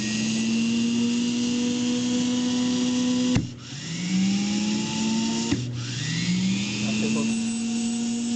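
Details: Steady high motor whine that twice cuts out and winds back up to speed: a vintage EMESCO No. 90N dental drill running.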